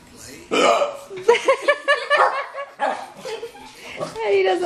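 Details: Persistent hiccups after eating pizza, ongoing about five minutes despite trying to hold breath: repeated abrupt, voiced gulping sounds in quick succession.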